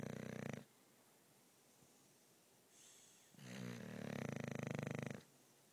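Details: Loud sleeping female English Bulldog snoring: loud rattling snores on each breath, separated by a quiet pause with a softer breath between; ordinary snoring in sleep.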